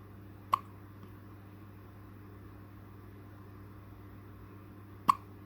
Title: #4 Hiccup baby